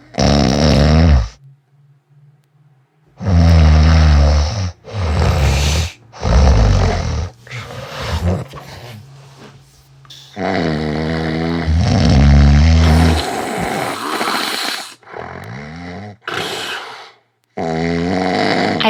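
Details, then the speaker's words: Very loud, rough snores and snorts in quick succession with a brief silent gap, as in obstructive sleep apnea. "where the awake partner with a disturbed sleep is seeing their partner lying down and having loud snores, extremely loud snores, snorts, and then suddenly their partner stops breathing."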